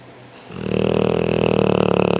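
Loud, rough, rattling vibration building over about two seconds on a single breath, a snore.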